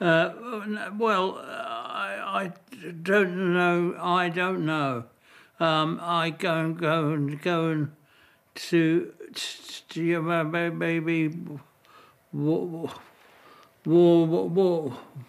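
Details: Adult male with aphasia diagnosed 18 months earlier after a sudden major stroke; comprehension intact but great difficulty forming words to reply; expressive aphasia.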